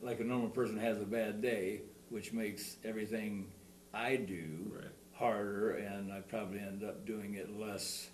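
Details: Stuttering in an adult man, shown in a demonstration of the SingRite device; he reports bigger words are more troublesome than single-syllable ones.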